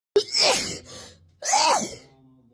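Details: A female sneezes twice: a sharp indrawn breath and a forceful sneeze, then a second sneeze about a second later.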